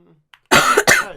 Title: Girl coughing 173